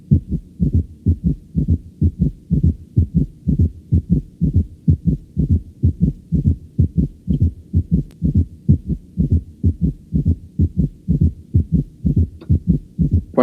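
Steady, regular low heart thumps at about 63 cycles a minute, with extra soft sounds filling each cycle. Each beat carries four sounds: the first and second heart sounds plus a third and a fourth, a quadruple rhythm that points to heart failure or a stiff ventricle.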